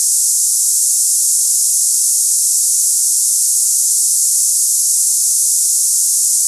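Steady, unbroken high-pitched hiss with no low sound; a simulated cicada-like tinnitus sound for comparison.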